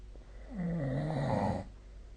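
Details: Sleep snoring recorded with the SnoreLab snore-tracking app: a single low, voiced snore about a second long over faint room hum; snoring.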